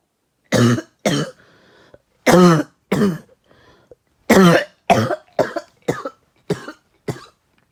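About ten short, harsh cough bursts in quick succession, a dry irritant cough after inhaling smoke.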